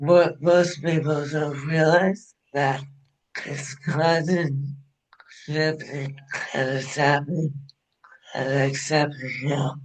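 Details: Adult woman with ALS diagnosed in 2021, onset with hand weakness and swallowing difficulty; now ventilator-dependent for breathing, which she says makes speaking difficult; dysarthria.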